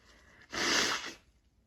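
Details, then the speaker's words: Explosive, hissing sneeze lasting under a second, then quiet breathing; the person's nose is itchy, tickly and red from repeated sneezing triggered by a pine, orange and cinnamon Christmas candle. "oh I can't they're making me so tickly and my nose is so itchy and oh yeah my nose is so red I've been sneezing because of this"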